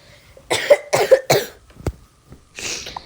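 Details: Person currently sick, coughing and sniffling: three quick harsh coughs in a row, then a short breathy exhale.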